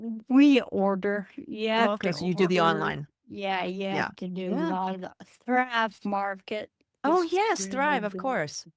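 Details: Adult woman with Friedreich's ataxia, a rare progressive neurodegenerative disease diagnosed at age 23, which she says affects her speech and swallowing; wheelchair user; ataxic dysarthria.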